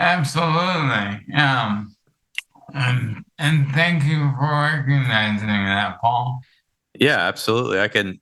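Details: Adult male with amyotrophic lateral sclerosis affecting his vocal cords, making it difficult to talk for long periods; dysarthria in amyotrophic lateral sclerosis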